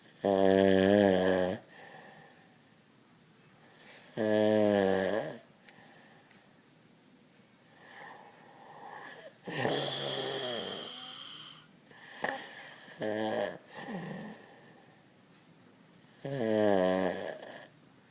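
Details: Person asleep with heavy snoring: loud rattling snores in slow, uneven bursts, about 16 a minute, with quieter breaths between.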